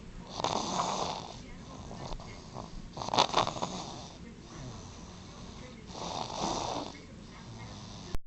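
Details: Sleeping baby boy snoring: three soft, rough, hissing breaths a few seconds apart over faint room noise; light snoring.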